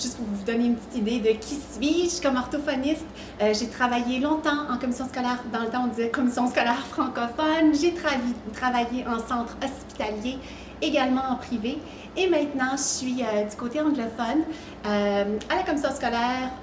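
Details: Adult woman speaking French; normal speech.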